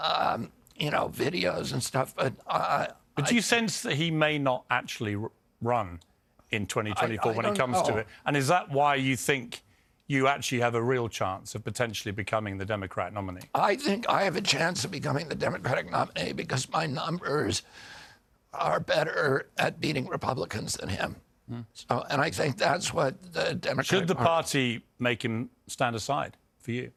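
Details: Adult man; onset at age 42 after a 1996 injury; nerve signals make his vocal cords tighten constantly, cords themselves uninjured; surgery in Kyoto about eight months earlier, now alternative therapies; spasmodic dysphonia.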